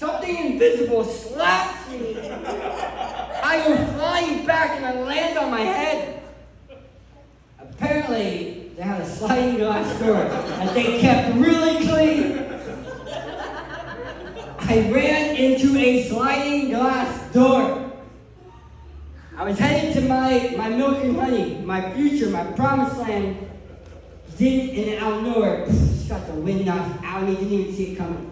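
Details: Adult male who lost 80% of his tongue to cancer, with a permanent speech impediment: articulation disorder after partial glossectomy.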